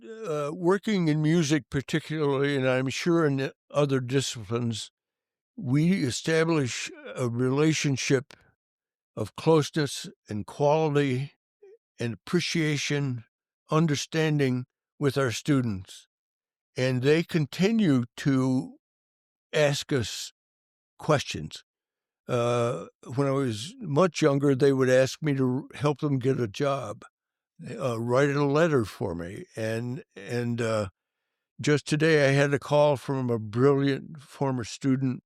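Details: Adult man who has stuttered since early childhood, severely for many years, and still stutters as an adult; stuttering.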